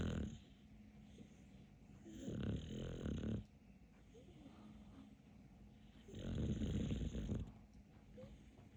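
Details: Dog with deep, rough, rattling snores on each breath, two long snoring breaths with quieter breathing between them; snoring.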